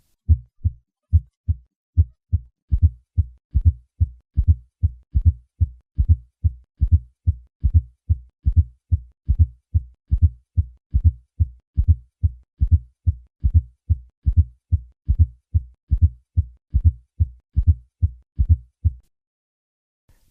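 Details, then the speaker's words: Fourth heart sound (S4) added to normal S1 and S2, giving a triple rhythm: a low-pitched late diastolic sound heard best at the cardiac apex, from forceful atrial contraction but originating in the ventricular wall. "When a fourth heart sound is added to a normal first and second heart sound, a triple rhythm is created. [Music] Although a fourth heart sound is due to a forceful atrial contraction, it actually originates in the ventricular wall."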